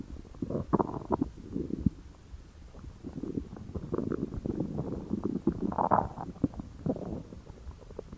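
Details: Low rumbling, gurgling stomach growling (borborygmi), continuous with bubbling bursts, attributed to hunger.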